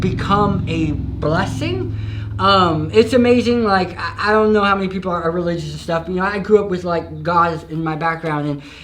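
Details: Adult man with a permanent lisp after stage 4 tongue cancer treated with chemotherapy, radiation and 15 surgeries; he was told he might never speak again and regained speech after 9 months of rehabilitation.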